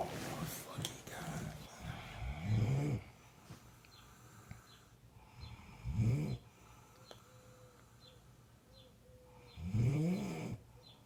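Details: Heavy snoring: deep, loud, rumbling snores on each breath, about 17 a minute.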